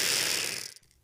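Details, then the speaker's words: A Breezhaler capsule inhaler during a quick, deep, steady inhalation: a loud, rapid whirring rattle about a second long as the capsule spins, showing adequate inhalation. "should hear a whirring noise as the capsule spins in the inhaler and you may taste the medication in your mouth"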